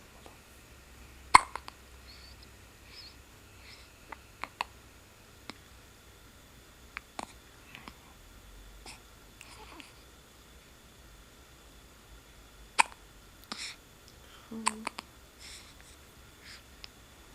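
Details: Infant hiccups (Toren, a breastfed baby): soft, brief hiccup clicks at irregular intervals of a few seconds in a quiet room with faint background noise.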